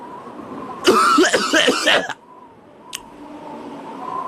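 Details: Coughing in a comedic cough-syrup advertisement.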